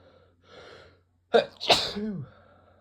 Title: Induced cold sneezes